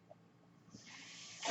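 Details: The speaker's own mechanical ventilator heard during speech: near silence, then a steady airy hiss builds and swells as a delivered breath begins.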